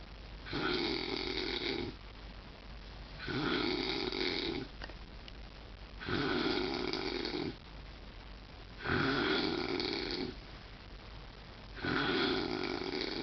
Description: this is the loudest snoring ever.